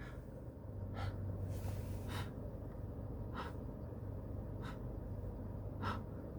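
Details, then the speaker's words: Faint, quick, shallow breaths, about five in six seconds, from an adult imitating the shallow breathing of strong opioid (Percocet) respiratory depression that made them fear they would stop breathing in their sleep; imitated shallow breathing. "that's how my breath sounds would be I don't know if you guys could hear that maybe you could hear that but my breath sounds really shallow to the point I was concerned I would literally just stop breathing and die in my sleep"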